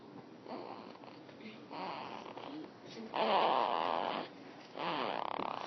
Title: snoring -3